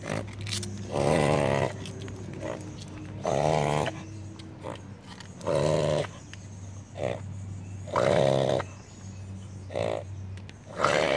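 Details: Beagle reverse sneezing: loud honking, snorting inhalations in repeated bursts, about five over ten seconds, a harmless spasm of the throat.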